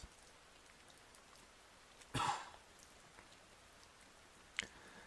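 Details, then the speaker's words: A single short, sharp cough from an adult podcast speaker, breaking an otherwise quiet stretch with faint room noise; cough. "Did you hear that cough? That was embarrassing. That cough was embarrassing, but I'm not going to edit that out."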